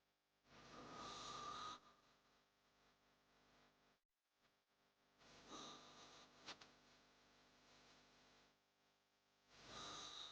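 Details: Snoring sound-effect recording: slow, harsh, noisy breaths about 14 a minute, loud on inhalation with quieter exhalations, heavy snoring.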